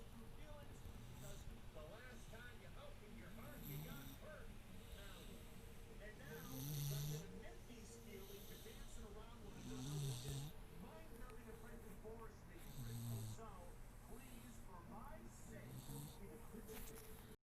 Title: This is why I can't sleep. Snoring Bully